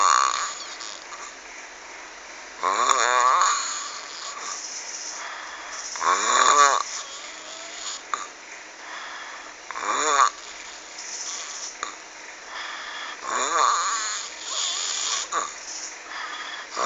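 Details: Heavy, loud, harsh rattling snores at about 17 per minute, with quieter breathing between them; described as scary-sounding.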